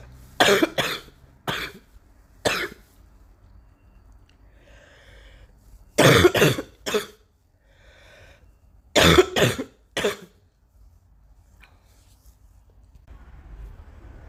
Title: still coughing